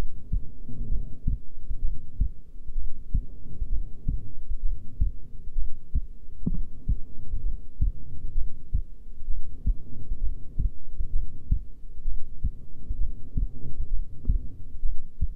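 Soft, steady low thumps at a slow resting pace under a constant low rumble; an ordinary resting heartbeat.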